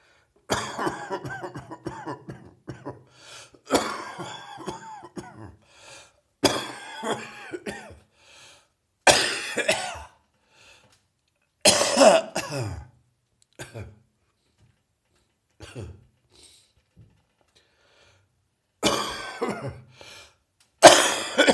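Repeated harsh, somewhat rattly cough bouts with throat clearing, typical of a lingering cough after a chest cold.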